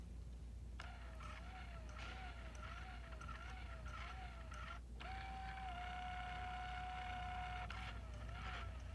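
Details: Kangaroo Joey enteral feeding pump, set with rate and volume, running after restart: motor whines with a wavering pitch, holds steady briefly, then wavers again; normal running.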